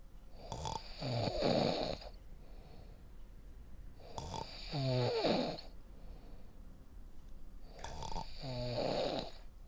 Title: SNORING- RELAXING SNORING SOUND FOR DEEPER SLEEP